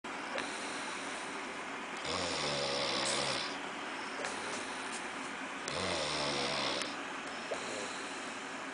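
Two rattling, buzzing snores on inhalation, each about a second and a half long, over steady background hiss.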